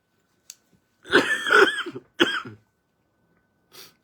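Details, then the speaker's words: Adult man, a monk giving a live evening Dharma talk, gives two harsh, partly voiced coughs, then a short breath in. The cough lingers and he says his body is starting to protest. ">>เนี่ย[เสียงสูดหายใจ]ก็ติดไออยู่เนี่ยนะ"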